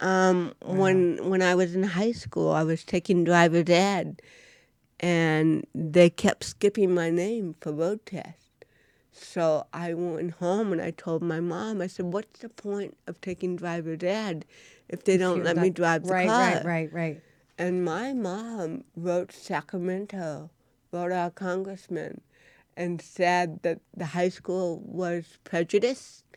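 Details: Adult woman with cerebral palsy since birth, diagnosed at 18 months; real, unacted speech in a studio interview; dysarthria (cerebral palsy).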